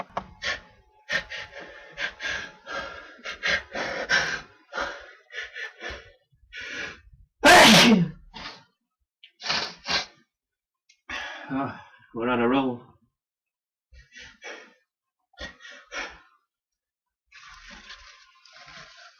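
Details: Natural, unforced sneezes from a tickle, caught after two days of waiting: quick breaths and short bursts with one loud, sharp sneeze in the middle, followed by a gasping in-breath; a run of breathless sneezes.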